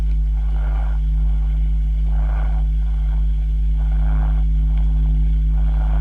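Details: Pleuritic breath sound (pleural murmur) heard through a stethoscope on the chest, in a teaching demonstration of lung auscultation.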